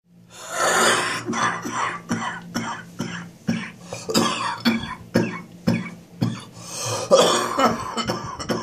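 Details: First morning coughing fit that woke the patient at 06:30, chest still quite bad: about a dozen harsh, chesty coughs in quick succession over a steady hum; productive chest cough.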